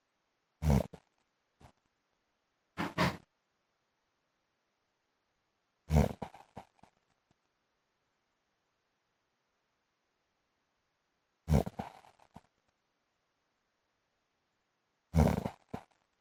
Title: PART 1 MY HUSBAND'S SNORING LIKES MOTORBIKE SOUND